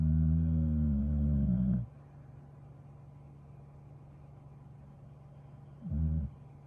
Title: Participant Of The National Relaxation Day Event! #dog #pitmix #staffy #snoringdog #snoring